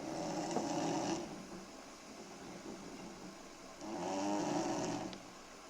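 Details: A four-year-old girl snoring loudly in her sleep, recorded in early summer 2008: two long, rough, rattling inward breaths about three seconds apart, with quiet between them.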